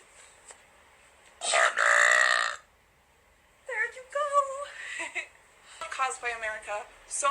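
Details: Burping during a live stream, made on request: a loud, sustained voiced burp, then shorter burps mixed with speech-like sounds.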